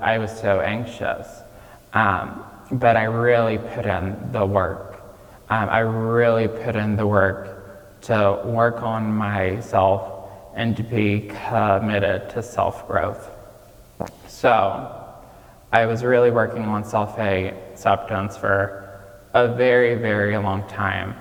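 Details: Childhood apraxia of speech in a 26-year-old man, diagnosed at age 5, nonspeaking until age 5, treated with speech therapy five times a week.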